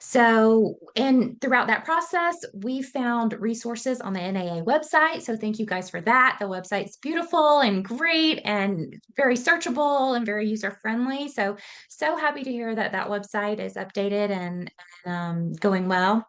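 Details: Adult woman speaking; typical speech.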